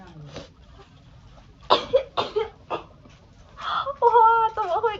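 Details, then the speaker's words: Young Chinese woman with a runny nose and worsening rhinitis, unsure whether it is rhinitis or a cold (allergy suspected): three sharp, explosive sneezes in quick succession, then brief speech; repeated sneezing. "怎么会这样？哇，天呐，我到底是鼻炎还是感冒啊？"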